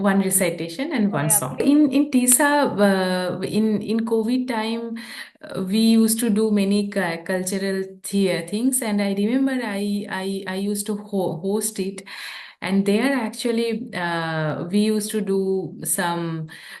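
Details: Stammering in an adult woman who stammers since childhood, translating a poem into English.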